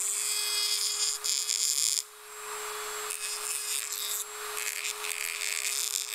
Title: {ASMR} Dentist Drilling Teeth Tool- 1 Hour Dark Screen Tingle Sounds Sleep Relax Study (NO TALKING)